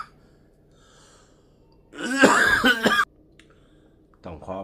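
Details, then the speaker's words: An adult man gives a sudden, unexpected burst of loud, harsh coughs in a quiet room, then a brief sound follows; cough. "อาการของไอก็คือมาแบบบ่ได้ตั้งตัวนะครับอ่าอาจจะมีเสียงไอแซกนะค"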